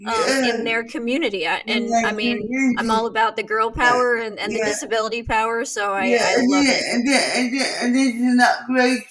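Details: Adult woman speaking; typical speech.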